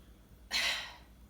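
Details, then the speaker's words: One forceful, breathy burst of air in a quiet room: demonstrated assisted cough in short sitting, breathing in with head back, patient applying a Heimlich-like self abdominal thrust. "so again breathing in head back always helps and with the cough have the patient do kind of the Heimlich on themselves okay so"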